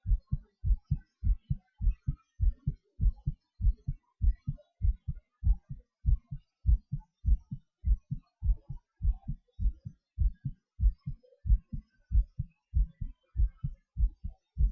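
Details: Own heartbeat recording, made around breath-hold and hyperventilation trials: steady, strong paired thumps at about 100 beats a minute; normal heart sounds at a brisk rate.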